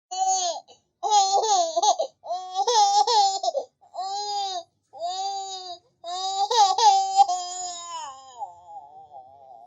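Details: Infant crying sound-effect recording: rhythmic bursts of high-pitched wailing with short breaks for breath, the last trailing off into a whimper.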